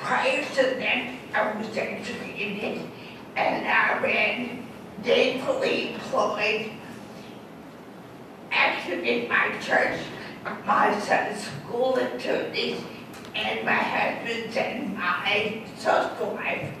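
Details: Adult woman whose massive stroke left her unable to walk, with lost balance and a pronounced speech impediment; dysarthria after stroke.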